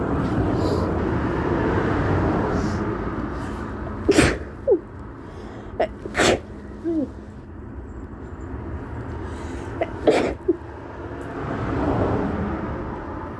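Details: Woman with tree-pollen allergy, sneezing for about a week, stifling sneezes at a bus stop: about seven soft, stifled sneezes in quick clusters over traffic noise; repeated allergy sneezing.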